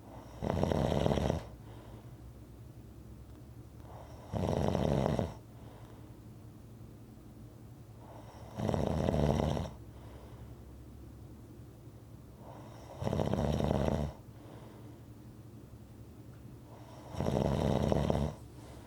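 Regular, loud rumbling snores on each in-breath with quiet gaps between, about 14 a minute; ordinary rhythmic snoring.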